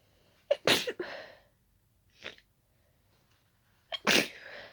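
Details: Person with a daisy allergy, after closely smelling daisies, gives two wet sneezes, each with a sharp intake and a spray-like burst, and a small snort between them; allergic sneezing.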